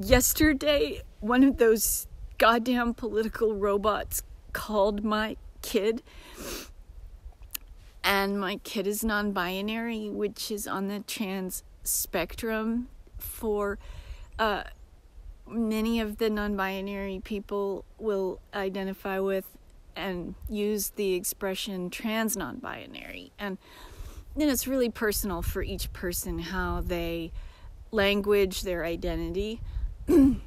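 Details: Disabled woman with self-reported aphasia episodes that occur several times a day, sometimes briefly, and are foreign-accent-like; acquired speech disturbance (self-reported aphasia, foreign-accent-like).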